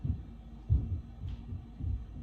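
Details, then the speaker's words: Auscultation of a female patient's heart during a nursing health assessment, moving through the aortic, pulmonic, Erb's point and mitral/apical sites. Regular low heart thumps are heard at the apex, roughly 60–70 beats a minute. "so at this time i will also listen for her heart sound as well starting off with her um aortic aortic pulmonary herbs point mitrial"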